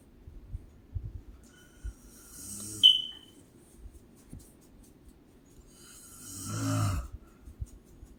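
Two loud, harsh snoring breaths several seconds apart, the first ending with a brief whistling squeak; sleep snoring.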